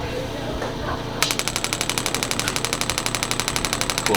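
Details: Radial shockwave device firing sample pulses before first-ever treatment of an adult male's painful left knee: quiet room, then a rapid train of sharp clacking pulses, about four a second.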